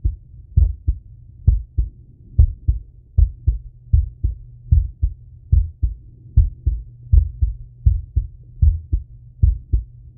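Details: Male self-auscultating his heart with a stethoscope after a workout set: regular, strong lub-dub at about 76 beats a minute with a low steady hum behind it; normal heart sounds after exercise.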